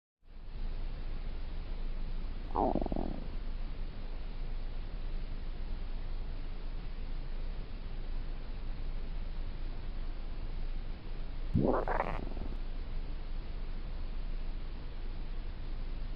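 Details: Two low gurgling rumbles over steady low background noise: stomach rumbling (borborygmi), a normal hunger sound, offered as a sound effect.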